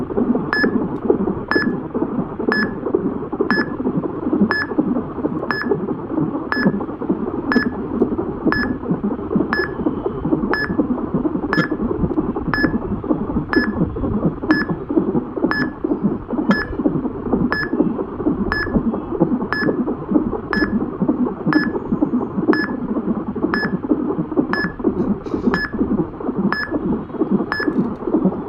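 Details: Fetal heart sounds on Doppler: rapid, rhythmic whooshing fetal heartbeat with a steady monitor beep about once a second, during pregnancy.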